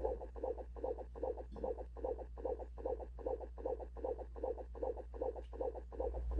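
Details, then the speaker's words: Doppler fetal heart monitoring in labor, contractions about every two minutes, baseline about 140: rapid regular whooshing heartbeats at about 150 to 155 a minute, a fetal heart rate acceleration, a reassuring sign, then back to baseline. "a heart if the baby's heart rate accelerates because it CAN-- and that's a good thing! If it doesn't accelerate, it's because it can't and that's a bad thing. So that was an example of an acceleration."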